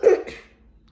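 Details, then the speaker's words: Brief ordinary cough, one sharp explosive burst and a weaker second, while singing Old MacDonald for children; the singer apologizes for having a cough. "sorry I have a cough"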